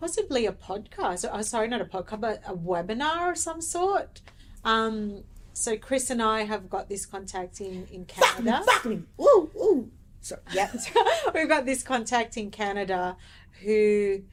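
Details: Adult speaker; typical speech.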